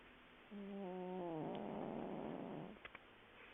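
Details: Sleeping cat snoring: a single drawn-out breath, a brief tonal note sliding into a soft rasp.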